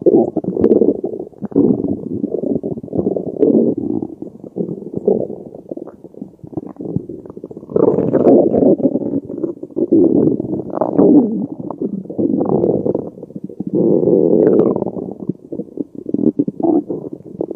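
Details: Ordinary bowel sounds during digestion after a meal of spaghetti carbonara: continuous low rumbling and gurgling from the belly in waves over about eighteen seconds.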